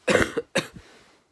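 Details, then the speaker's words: Two short, harsh coughs from an adult ill for about three days, possibly with COVID-19 (unconfirmed), hoarse voice and mucus, coughing at 4 a.m. to clear the rest of it; cough. "I can just feel it. The cough. I need to go cough the rest of it up."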